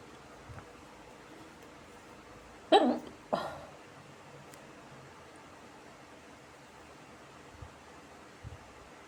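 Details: A woman has two sharp, abrupt hiccups about half a second apart in a quiet room after smoking a cigarette.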